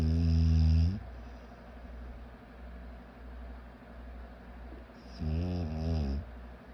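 Two loud, low rattling snores separated by a quiet gap with steady room hum; snoring.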